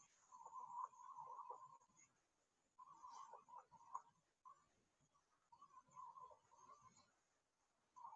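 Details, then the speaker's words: Coarse crackles in a neonatal/pediatric physiotherapy assessment: three breaths, each with bursts of low, bubbling popping sounds over a faint steady hiss; linked to pulmonary edema, bronchiectasis, bronchiolitis and acute or chronic bronchitis. "os estertores grossos geralmente eles também podem estar associados com edema pulmonar mas eles estão relacionadas também com bronquiectasia bronquiolite e a aguda né crônica"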